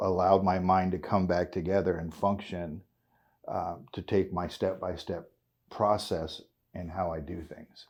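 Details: 56-year-old man with essential tremor, which he calls a form of Parkinson's, causing voice tremor, involuntary body jerks and hand and foot tremor; RSO cannabis oil user; voice tremor (essential tremor).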